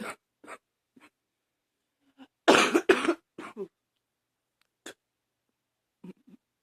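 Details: Adult who woke up this morning coughing, attributed to allergies, with wheezing: two loud, harsh barking coughs amid quieter throaty sounds and short noisy breaths: barking cough.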